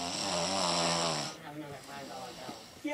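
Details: Theatrical, exaggerated snore from a woman in a dramatized scene: one long, loud, vibrating snore on an in-breath, then quieter sounds.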